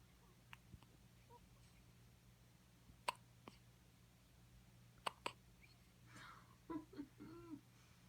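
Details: Baby with frequent hiccups: about three brief, sharp clicking catches, then soft vocal sounds.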